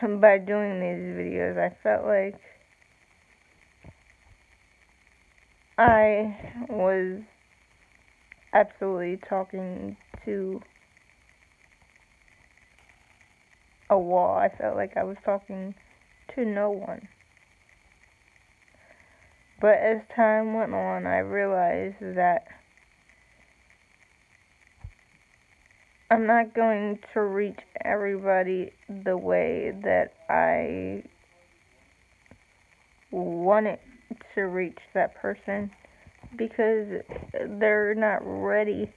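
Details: Adult woman with self-reported cerebral palsy, with long pauses between short word groups; dysarthria (cerebral palsy).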